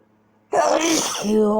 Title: Nighttime sneezes keeping me awake